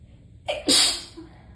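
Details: Tickly sneezing fit: a quick breath in followed by one sharp, explosive sneeze.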